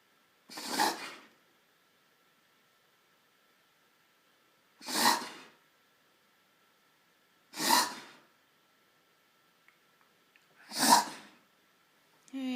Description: My Greyhound Fanta reverse sneezes.